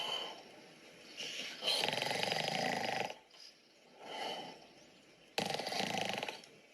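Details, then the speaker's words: Snoring sound played as a test input to a deep-learning snoring-detection system for a snoring warning pillow, recorded in 5-second segments. "Horlama sesi dinleteceğim ve o şekilde bakalım. Şimdi horlama sesi dinletiyorum."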